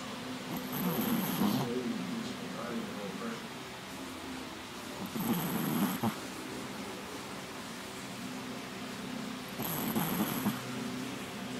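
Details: Snoring: soft, rattling snores, three in about 12 seconds, around 15 breaths a minute, over steady room noise.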